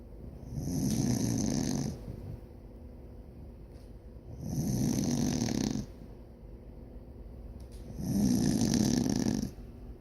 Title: Snoring..